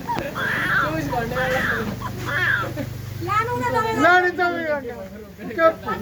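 Short repeated crying bursts from a small baby, then rising and falling wails, with a steady low hum in the background.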